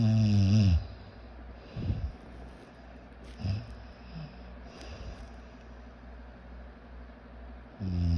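Low rumbling snores at the start and end, with softer snorting breaths between, over a steady room hum.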